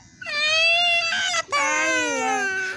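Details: Young boy crying while his father cuts his hair: loud, high-pitched wailing cry with a brief catch of breath midway; distressed crying.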